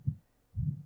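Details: An adult's own heartbeat in an ASMR recording meant for earbuds: soft, low thumps, about two beats in under a second.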